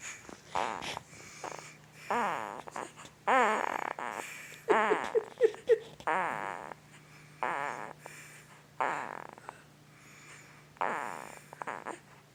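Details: 2-week-old newborn boy, sound asleep, making irregular squeaky grunts and snuffly snoring noises, about 40 a minute; normal newborn sleep grunting and snoring.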